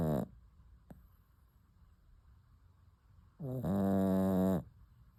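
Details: Sleeping puppy snoring: a long, steady, buzzing snore lasting about a second, with a brief start of another at the beginning and quiet between breaths.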